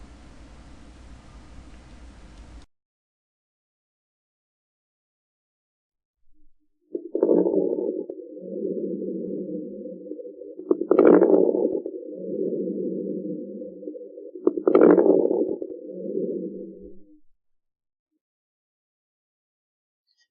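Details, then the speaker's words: Teaching stethoscope recording of fine crackles (crepitant rales), localized at the lesion site: three slow breath cycles with brief, fine, uniform crackling bursts only at the end of each inspiration. "son ruidos breves finos iguales entre sí en intensidad y duración semejantes a la sal que crepita o al ruido que se produce al frotar los cabellos entre los dedos se perciben en el sitio donde aparece la lesión y siempre en el mismo lugar se escucha solo al final de la inspiración"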